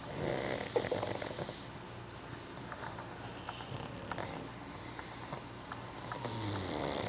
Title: Couchful of snoring pugs 2